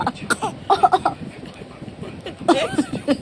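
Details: Baby boy in play making short, voiced, playful cough-like bursts while laughing and being prompted to cough again: a pretend cough, not illness.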